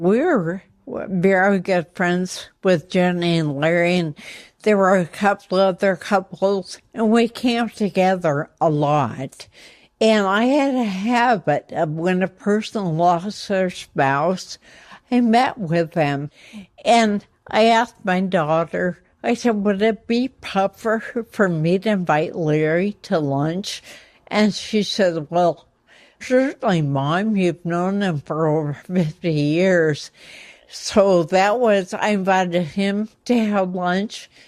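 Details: Ataxic dysarthria in an 84-year-old woman with progressive, incurable ataxia affecting her motor skills and voice; first signs in her 60s, speech problems only in the last couple of years.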